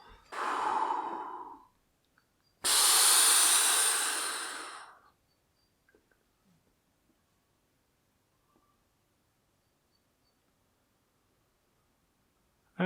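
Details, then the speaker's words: Symbicort Turbuhaler dry powder inhaler demonstrated by a pulmonologist after twisting to arm it: a breath out, a quick forceful breath in, a pause of breath-holding, then a faint slow release; correct inhalation technique. "now this means that it's ready to go so you breathe out and then forcefully breathe in hold your breath release let's do this"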